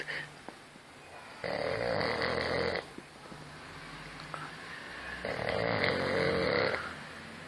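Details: Two loud, harsh, vibrating snores on in-breaths separated by quieter breathing, from a sleeper; snoring.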